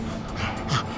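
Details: Noisy, laboured breathing in a young dog with suspected recurrent tick paralysis. He is deteriorating rapidly, wobbly, gagging and unable to swallow, and was previously ventilated at 8 weeks old.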